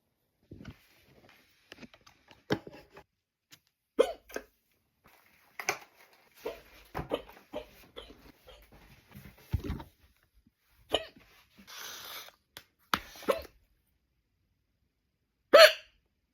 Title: I can't stop hiccups👧🏻🇯🇵 #funny #english #fyp